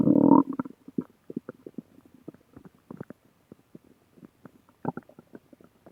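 A loud gurgling rumble, then a run of soft irregular bubbling pops: stomach growling, ordinary bowel sounds.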